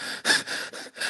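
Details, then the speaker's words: Simulated labored breathing (respiratory distress) in an EMT psychomotor exam scenario: quick, noisy, gasping breaths from a male patient sitting leaning forward with hands on knees, using accessory muscles to breathe. "Is he using like accessory muscles for the breathing? Yes."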